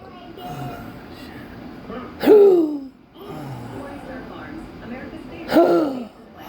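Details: Patient with persistent intractable hiccups since December 2015 (usually 20–60 per minute), with breathing and choking spasms, erratic stomach sphincter control and regurgitation all night. Two abrupt voiced gulping catches about three seconds apart; hiccups.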